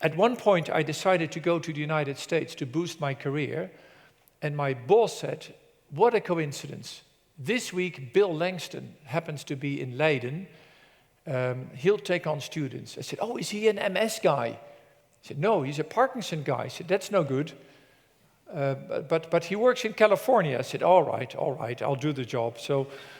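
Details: Adult man presenting; normal adult speech.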